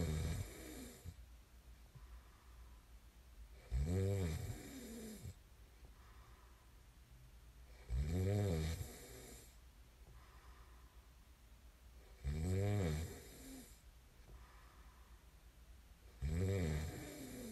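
Four loud, low, rattling snores on the in-breath, about 14 breaths a minute, with quiet gaps between them. Ordinary sleep snoring.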